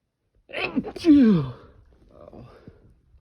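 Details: Sneezing through an N95 mask, triggered by the itchy nose pinch: a muffled sneeze with a short voiced burst, then quieter breathing, dampened by the mask.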